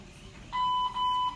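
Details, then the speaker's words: Two steady electronic beeps from an IV infusion pump alarm, patient thinks low battery or occlusion, while an adult cancer patient with a chest tumor awaiting surgery receives fluids in the ER for very low platelets. "I think there's some inclusion or something in the pump. I think it's just low battery."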